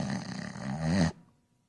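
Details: Cartoon snoring sound effect, not real: one loud, rough, rumbling snore-like snort, then silence.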